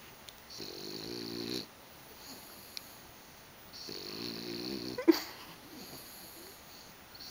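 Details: Sleeping dog snoring: two long, buzzing, whistly snores with quiet room noise between them.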